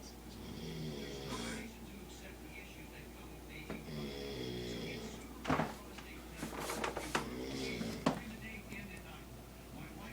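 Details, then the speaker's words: Loud snoring of a man at 1:33 am, heard from down the hall through a closed door: muffled, rasping snores with nearby whispering and household noises. "I'm just gonna let you know it's 1:33, and I can hear this dude snoring from all the way down the way. I'll show you. Come on. I ain't even made it to the bathroom yet, and I already hear him snoring."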